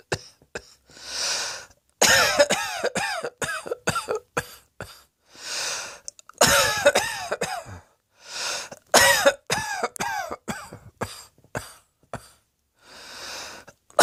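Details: Person lounging on a bed with a big belly heaving: repeated harsh coughing in clustered bursts with audible breaths between fits; a persistent cough.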